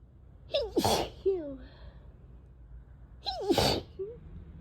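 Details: Sneezing after attempts to stifle them: two forceful sneezes, each preceded by a rising, gasping in-breath and followed by a brief voiced trailing sound.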